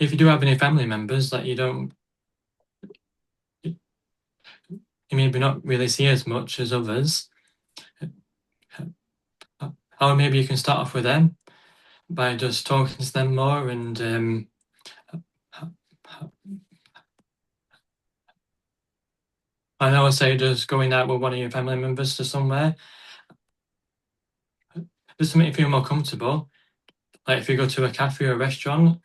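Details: Adult who stutters, a stuttering advocate; real stuttering.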